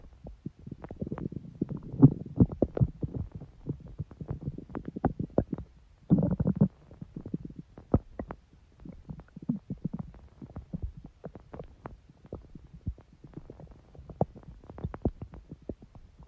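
Irregular gurgles, squeaks and rumbles from the belly; ordinary stomach growling from gas and fluid moving through the gut.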